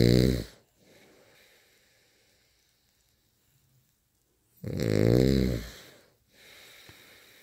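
Loud rattling snores on the breath, separated by quiet pauses, with a softer breath sound between them.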